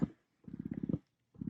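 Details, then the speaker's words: Spectra electric breast pump in initiation (let-down) phase, lower setting, before attaching to breast: fast regular mechanical pulsing of the motor in short bursts separated by silence. "you can hear it at how quick it is. And then you could see it, what it looks like when it's pulling. So it's a little bit faster, and then this is a lower setting too."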